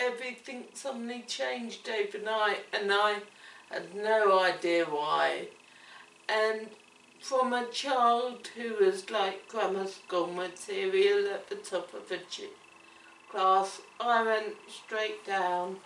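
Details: Woman with cerebellar ataxia, which she says affects her coordination, speech and swallowing: ataxic dysarthria.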